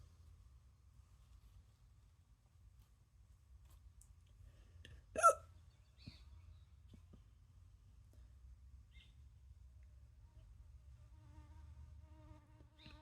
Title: Concentrating while I give myself hiccups lol